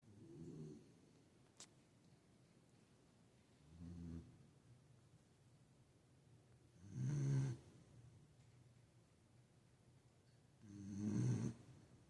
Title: Beagle Snoring worse than my husband 🤣🥂🐕! #beagle #samoyed #cutedog #funny #furfamily #dogshorts